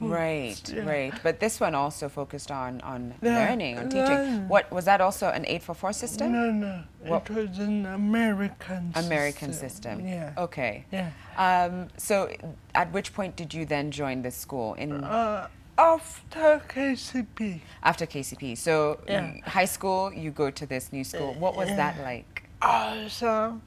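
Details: Adult host in conversation; typical speech.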